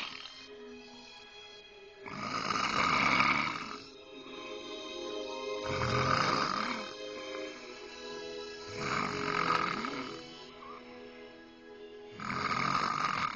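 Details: Adult woman snoring very loudly in her sleep, a snoring problem later fixed: loud, rough snores about every three to four seconds, with background music.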